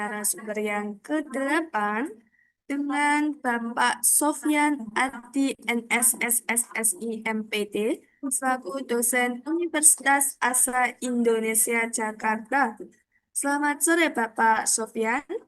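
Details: Adult woman speaking; Normal speech.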